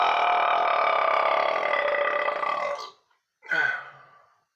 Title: the king of burping